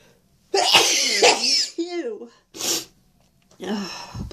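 Several loud, hissing sneeze bursts, some with voiced wind-up, separated by brief pauses; repeated sneezing.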